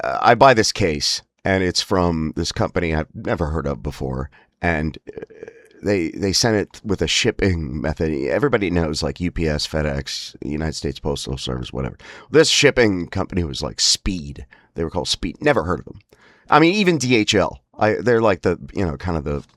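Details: Man with spasmodic dysphonia (laryngeal dystonia), which he says is worsened by stress and frustration, especially on phone calls: spasmodic dysphonia.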